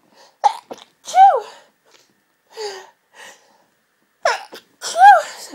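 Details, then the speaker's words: Intense half-stifled sneezing fit that has lasted about 20 minutes, with a congested, tickly nose: repeated loud, voiced sneezes with sharp intakes of breath between them. "God this fit has been going on for the last 20 minutes but I've only just been able to"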